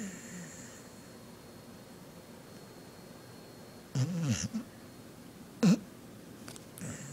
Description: This is my dog Chico snoring in his sleep